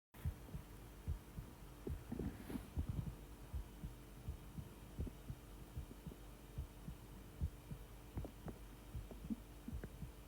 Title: Heartbeat sounds and my intestines fighting in the background 😂😩